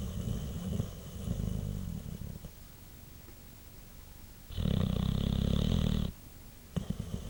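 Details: White Boxer dog sleeping after a long day: low, rattling, fluttering breath sounds with one long loud snore near the end; snoring.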